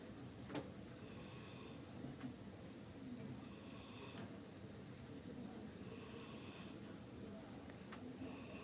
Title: Guy Snoring at Library